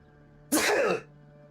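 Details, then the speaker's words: A single sharp, explosive sneeze lasting about half a second, left unmuted on purpose during a livestream, with faint room hum around it. "Sorry, I didn't mute on purpose so that you could hear the sneeze."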